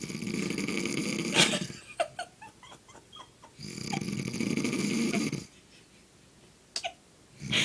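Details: Sleeping man snoring loudly: harsh, rasping snores on each in-breath, about two in eight seconds, with soft snuffles and mouth noises between them.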